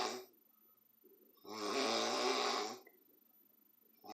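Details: Drunk father sleeping and snoring: a loud, long, rattling snore on the in-breath, followed by a quiet pause; heavy snoring.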